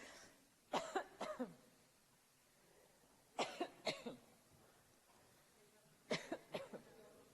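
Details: A minister seized by a coughing fit in the National Assembly during the COVID-19 crisis: three clustered bursts of harsh coughing, two or three coughs each, with quiet pauses between.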